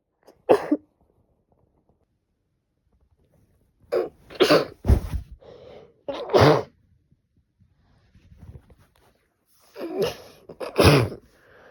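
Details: Sneezing during a cold in a woman, after about three days of bad sneezing: several sharp, forceful sneezes, some with a short inward breath first, in a quiet room.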